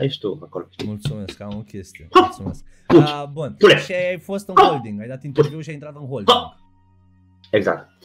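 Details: Adult male podcast host; normal speech.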